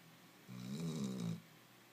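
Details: Dog snoring loudly while asleep at home: a single low, buzzing snore of about one second.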